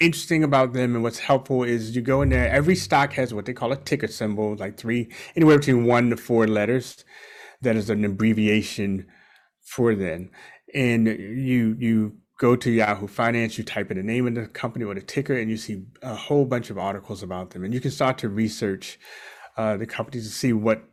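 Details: Adult man; Normal speech.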